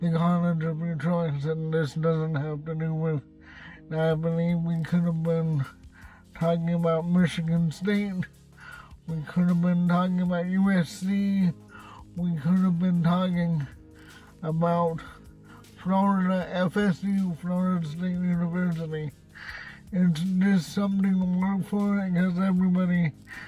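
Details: Dysarthria in an adult man who reports cerebral palsy and a speech impediment, speaking in his car.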